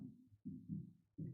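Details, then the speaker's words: Deep, muffled heart thumps in a steady lub-dub rhythm, roughly 80 beats a minute, played during a health lecture on gratitude calming the heart. "자, 감사하면은 심장이 어떻게 되는가? 이렇게 됩니다. 예. 심장 소리 들어 보세요. 심장."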